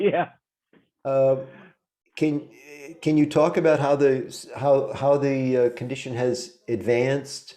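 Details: Adult male speaker; ordinary speech.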